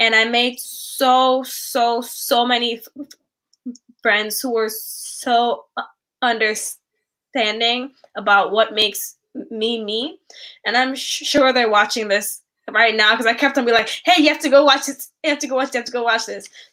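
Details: Stuttering in a 10-year-old girl who describes herself as a kid who stutters.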